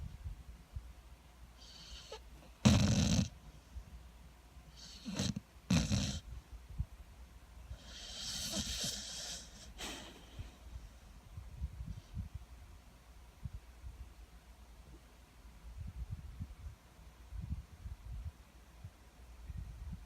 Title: American Staffordshire Terrier Hargen snoring.😘